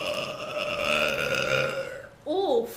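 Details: A long, low, drawn-out belch with a rough throaty tone, ending in a brief voiced sound; a streamer burping.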